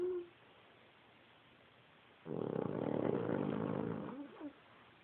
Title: Took Snoring